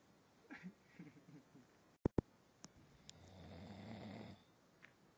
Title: Snoring